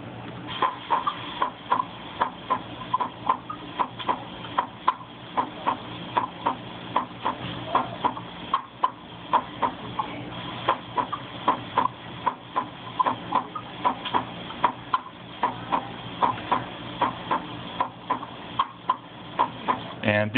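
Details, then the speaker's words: Normal heart sounds played from a speaker to demonstrate a reacting light base: steady, regular clicks at about 76 a minute. "so first I will show you um light face using uh reacting to normal heart sound"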